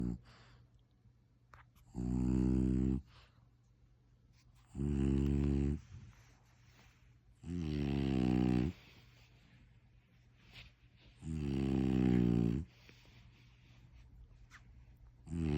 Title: #frenchbulldog #snore